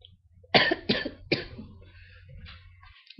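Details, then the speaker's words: Sick person on webcam who had a sore throat since Monday and has been coughing a lot today: three quick, harsh cough bursts in a row, then quiet breathing and faint room noise, acute coughing. "Wednesday at night at a bad and my cake and same day coughing a lot today"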